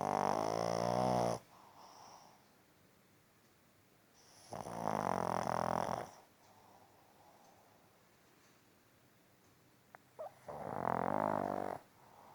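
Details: Sleeping pug giving three loud, rattling, whistly snores a few seconds apart with quiet gaps between: snoring.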